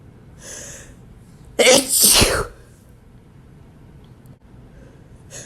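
A quick in-breath, then one forceful, hissing sneeze with a double burst; an ordinary sneeze.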